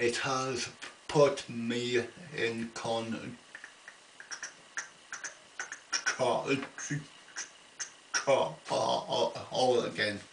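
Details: Adult man with an ongoing stammer, attending a weekly speech therapy group, who says it worsens under stress such as phone calls: stuttering (stammer).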